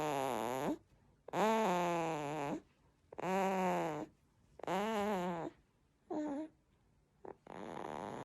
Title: 신생아 특이한 코골이 소리